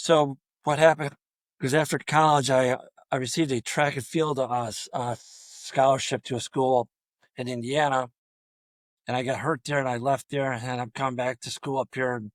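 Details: Adult male high school football coach with over 34 years of coaching who has stuttered throughout his career; stuttering.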